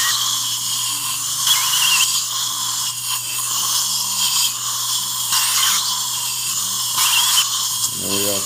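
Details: Bursts of high-pitched dental drill whirring with low room hum and suction noise: placing upper mini implants for an overdenture in a female longtime denture wearer, in one appointment, with lower implants already placed.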